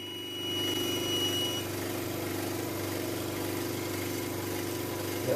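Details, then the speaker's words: Oxygen concentrator, stripped of casing during a teardown, just switched on, about two liters per minute: steady low motor hum with a rough, rattling vibration from the very shaky compressor. "hear of it like two liters per minute the compressor is very shaky look at that engage there"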